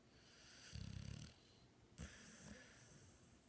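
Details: Snoring during sleep: one low, fluttering snore lasting about half a second, then a softer snort and breath, with faint room noise.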